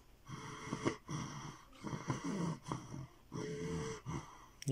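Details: Female patient with recurring seizures, at the end of a tonic-clonic seizure, where seizure end and recovery are hard to separate: irregular, heavy, heaving breaths with snorting and gasping; postictal heavy breathing.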